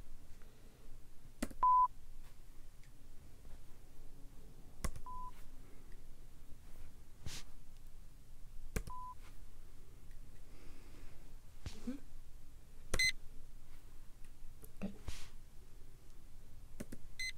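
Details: In a simulated, non-professional ASMR role-play hearing exam, the adult taps the side where he hears each tone. Short, steady beeps at several pitches, moving beyond the normal range, each followed by a tap in a quiet room: pure-tone hearing test tones.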